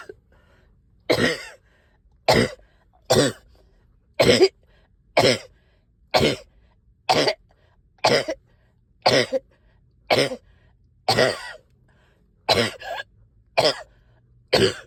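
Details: Persistent repetitive cough, about fifteen harsh forceful coughs roughly one per second in a quiet room, while up all night with heavy chest and headache.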